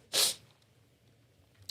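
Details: A single sharp, hissing sneeze from an adult who says they are still sick and can't fight off their illness, followed by near silence in a quiet room; brief click at end.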